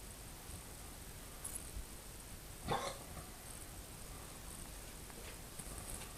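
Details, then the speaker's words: Pet dog with hiccups in a quiet room: one sharp, brief hiccup-like sound and a couple of fainter similar catches. "Baby, you have the hiccups."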